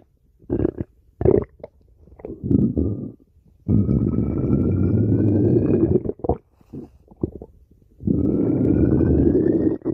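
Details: Long, deep rumbling growls with short gurgles between them: stomach growling (borborygmi) recorded from a male while he sleeps.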